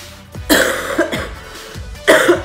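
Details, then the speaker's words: Young adult woman, sick for a while and quarantined after returning from Italy during the coronavirus outbreak: a few harsh, forceful coughs in two short bouts from an ongoing illness. "And I'm like coughing coming in, everyone's like shut, like you cannot cough in an airport without getting like numerous dirty stares."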